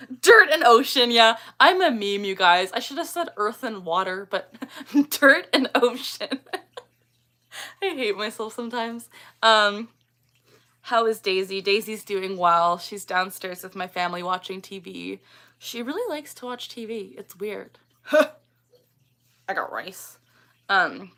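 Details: Woman, 24, with Tourette syndrome, producing the vocal tic phrase "I got rice" during a livestream; she says this tic does not sound like her normal voice and that her tics can vary in pitch and volume. Vocal tic (Tourette syndrome).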